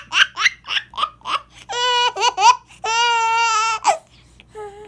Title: Moms cough is baby’s entertainment